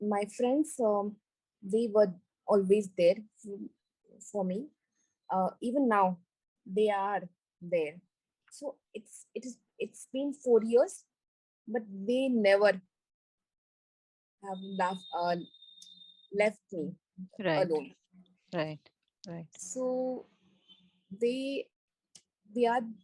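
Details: Woman with global aphasia after a stroke during an Everest base camp trek about four years earlier, initially unable to speak, read, write or spell; recovering after speech therapy; aphasia (recovering global aphasia after stroke).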